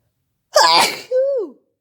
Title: Powerful fit, kinda messy sneezing